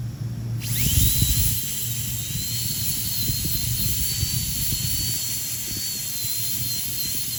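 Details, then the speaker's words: High-pitched whine of a dental drill running steadily over low rumbling noise, completing de-roofing of a primary molar pulp chamber during pulpotomy, possibly with a safe-end bur. "You can also use a safe end burr in order to prevent the perforation and complete your de-roofing."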